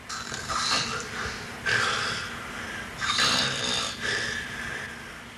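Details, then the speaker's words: Patient with severe obstructive sleep apnea during a sleep study: loud, harsh snorting snores in quick bursts, the snort following an apnea in which he stops breathing for 25 seconds. "this video of a patient demonstrates a severe case the snort follows an episode of apnea where he literally stops breathing for 25 seconds"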